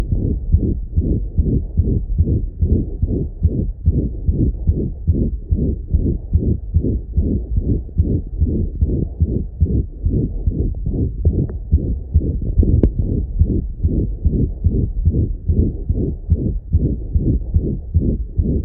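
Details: French Bulldog with congenital pulmonic stenosis: a rapid heartbeat around 146 a minute with a loud whooshing murmur filling each beat.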